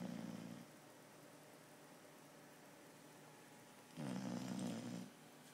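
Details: Snoring from someone other than the recorder, who jokes that they don't snore but someone else does: two low, rumbling snores on the breath separated by a quiet pause of about three seconds.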